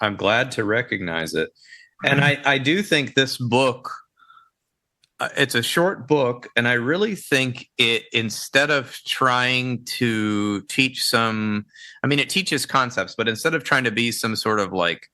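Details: Adult male speaker; typical speech.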